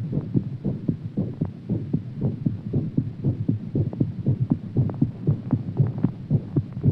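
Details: Heartbeat after exercise: fast, regular, low thumping beats at roughly 115 per minute.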